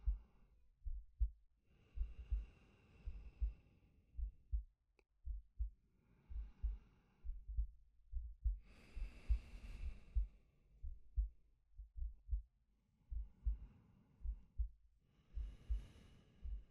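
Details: Soft, slow heartbeat thumps with slow, unhurried breaths rising and falling over them, from a male ASMR sleep-aid recording; a normal resting heartbeat and breathing.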